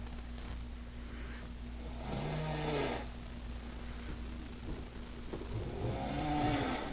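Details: Two rough, rattling snoring breaths about four seconds apart over a steady background hum, from a sleeping woman after drinking too much alcohol.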